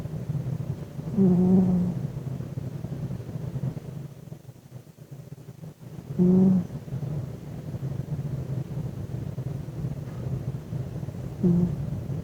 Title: 😺Parker the Cat Snoring